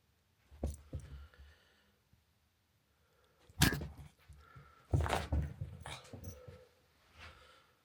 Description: Watch as our cute cavapoo puppy has to stop play for a sneezing fit.